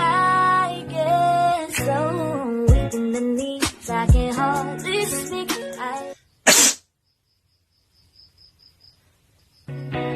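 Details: A compilation of sneezes from short clips: sudden noisy bursts over background music, then one loud isolated sneeze followed by quiet.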